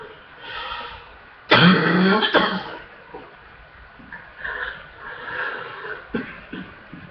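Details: Person with chest congestion in a hard coughing fit: a burst of deep, harsh, wet coughs followed by quieter breathing; productive cough.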